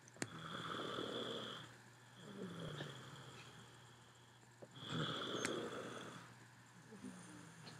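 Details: Two long, rasping snores on slow breaths over a low, steady room hum; ordinary snoring.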